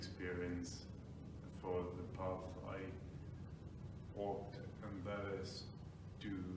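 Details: Ataxic dysarthria in an adult man with Friedreich's ataxia, diagnosed about five years earlier; he reports slurred speech at times, difficulty pronouncing words, and pushing with chest and lung volume to speak.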